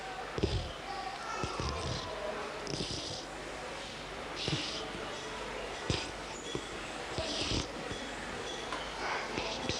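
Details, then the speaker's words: Wet, snuffly noise on breathing in and out in a sick child aged 2 months to 5 years, judged a blocked nose, not stridor or wheeze. "we heard a wet noise when was breathing in and out therefore we decided that she did not have stride all all wheezing but a blocked nose"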